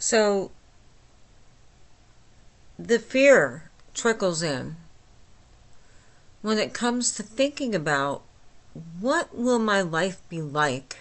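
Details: Adult woman with myasthenia gravis since age 8, with speech and swallowing problems, speaking without her speech appliance; she says listeners can understand her, though not perfectly: myasthenic dysarthria.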